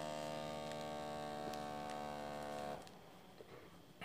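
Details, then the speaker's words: Steady motor hum of an electronic blood pressure monitor pumping up the arm cuff, stopping abruptly; patient silent with legs uncrossed; normal device operation. "vou apertar aqui ó e ele vai analisar e vai começar a medição e e ele vai encher abraçadeira certo"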